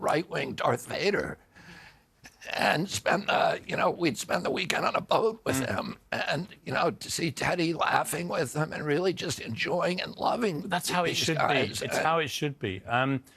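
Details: Adult man with spasmodic dysphonia (which he calls spasmodic dystonia), a neurological disorder that began after a 1996 injury at age 42 and makes his vocal cords tighten constantly; not a tissue injury; surgery in Kyoto about eight months earlier, now on alternative therapies.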